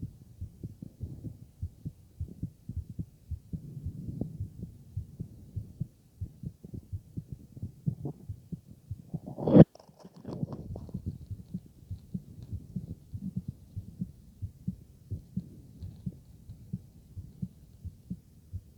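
Regular low lub-dub heartbeats through a stethoscope, with one brief loud handling bump midway.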